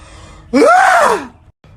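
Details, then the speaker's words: A single sharp, voiced inward gasp lasting under a second, pitch rising then falling, as the person feels a sneeze coming; the intake before a sneeze. "oh hold on one second guys i i feel a sneeze coming hold on"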